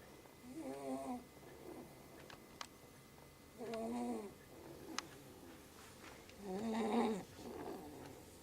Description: Snoring baby